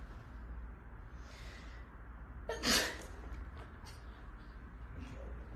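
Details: A single sharp, forceful sneeze done deliberately and intrusively as a prank, over a steady background rumble; ordinary sneeze.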